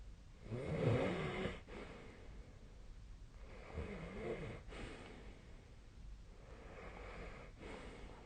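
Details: Snoring during sleep recorded with the SnoreLab snore-tracking app: low rumbling snores with breath cycles about three seconds apart and one louder snort at the start.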